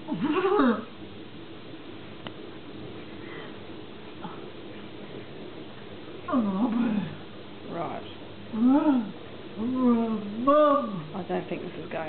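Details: Woman with dopa-responsive dystonia during an attack affecting face, neck, jaw, tongue, arms, hands and upper torso, with speech badly affected; attacks last minutes up to 7-8 minutes. Finding: dysarthric vocalization during a dystonic spasm.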